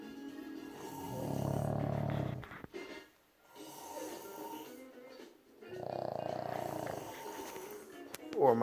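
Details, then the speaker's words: Person or dog recorded late at night gives two long, rough, low rattling snores separated by a quiet pause, faint background music; snoring. "Hey everyone. Sorry, this is late at night. But who snores louder? My dog?"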